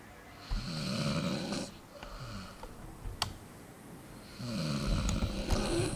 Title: Dog sleeping and snoring ASMR